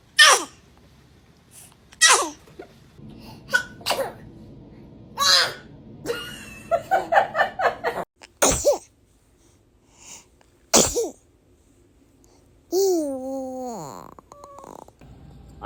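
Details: Babies give several brief, sharp sneezes, each a sudden burst of air, separated by quiet and soft infant sounds; infant sneeze.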